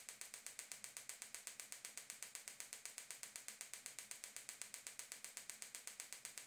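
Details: Gymna Shockmaster 300 focused shockwave therapy, 15 mm head, 3 bar, 8 Hz, 2000 shocks with ultrasound gel, at the heel (plantar fascia origin) for proximal plantar fasciitis: steady rapid clicking pulses, about 240 a minute.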